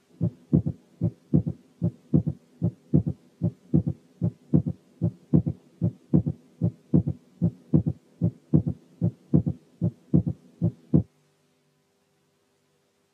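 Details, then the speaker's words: Third heart sound: regular rhythm about 75/min, soft, low-pitched, muffled extra sound after S2, farther from S2 than a split S2 would be. "ثانيا الـ third heart sound lower in pitch، يعني أدخم ومور muffled عن الـ second sound. نسمع بقى third heart sound في حالة تانية."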